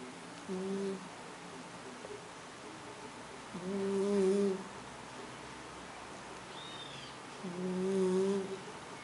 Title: GATO RONCANDO cat snoring